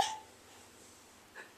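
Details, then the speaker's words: Hiccup in a woman who says she got the hiccups and had been fake hiccuping; one short, sharp hiccup, then quiet room noise. "I was almost out the door and then I got the hiccup. So, I've been fake hiccuping."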